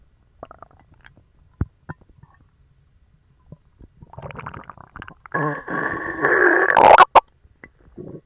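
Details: Stomach growling after eating dog treats, which gave a bellyache and ran right through: scattered gurgles build into a long, loud rumbling growl with squeaky bubbling, active bowel sounds.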